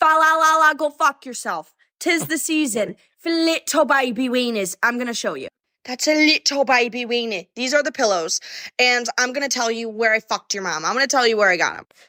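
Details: Vocal tics with coprolalia attributed to Tourette syndrome in a female influencer, with audible swearing tics apparently triggered by an object she shows; the hosts doubt it is genuine and suspect it may be an act.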